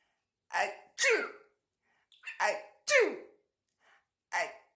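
Five sneeze-like bursts, several with a voiced rising 'achoo' onset; repeated sneezing.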